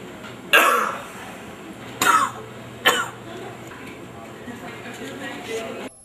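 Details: Cough.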